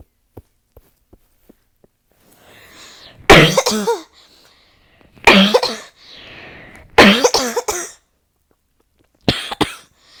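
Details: Four harsh bouts of coughing in about ten seconds, each a run of explosive coughs with a breath drawn between bouts; nonstop coughing fit (paroxysmal cough).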